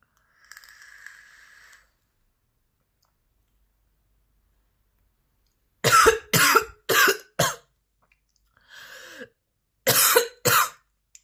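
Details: After a brief hiss, four hard explosive coughs, a short breath in, then two more; part of a 10-minute recording of extremely intense, persistent coughing fits with heavy breathing.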